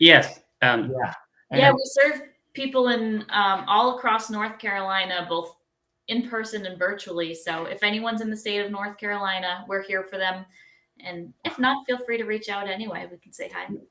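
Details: Adult woman speaking; no disorder.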